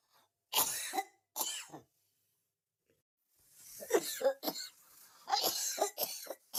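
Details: About six short, harsh cough bursts in two groups, separated by a pause of silence.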